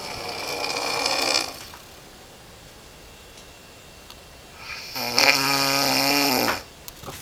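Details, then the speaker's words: Two loud, rattling snores separated by a quiet pause, from a sleeping man described as the loudest snorer ever, who wakes the recorder daily yet claims to be a light sleeper: heavy snoring. "is dying and [ __ ] [ __ ] annoying ass snoring and he [ __ ] tells me he's a light sleeper"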